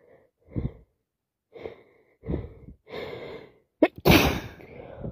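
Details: Several short sniffs and inhaled gasps building up to a forceful sneeze, repeated sneezing with loads of sniffing from a common cold; sneezing.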